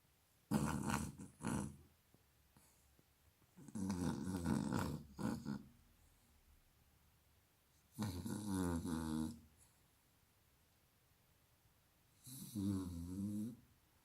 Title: HER SNORING WOKE HER UP!